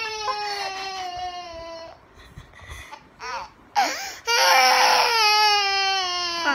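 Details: Infant crying in long, high, steady wails separated by a short pause and catching breaths.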